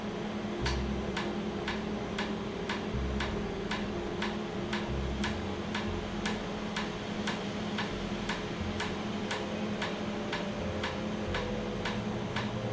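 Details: Laser tattoo removal session on skin numbed beforehand, with cooling air applied; the treated area was slightly raised and swollen afterwards: sharp regular clicks about twice per second over steady machine hum; laser tattoo removal device firing.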